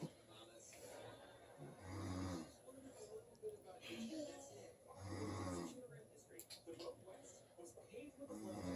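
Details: Father snoring while his young son laughs: two slow, low, rumbling snores about three seconds apart over room noise and background voices.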